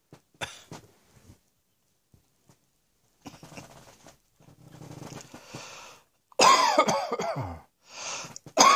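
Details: Several separate coughs, some soft and one loud harsh burst, with quiet gaps between them; coughing.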